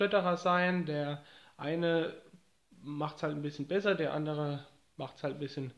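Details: Adult man who says he stutters and now copes well with few or no problems from it, speaking German: stuttering.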